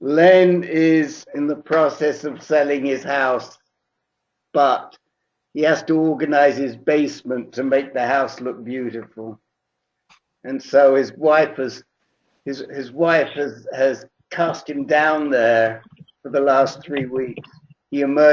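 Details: Adult male speaker over a call line; normal voice.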